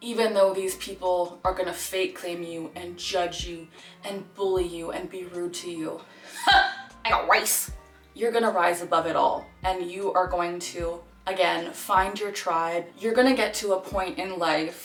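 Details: Vocal tics in a 26-year-old woman diagnosed with Tourette syndrome at age 12; her tics include phrases such as "I got rice" and "JT Miller", plus grunting and barking.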